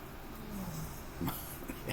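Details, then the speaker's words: Soft, low rumbling snore with a brief snort from someone who is sleeping in a quiet room during a recorded lecture; snoring. "snoring pretty good over there I'm sorry if you can hear that"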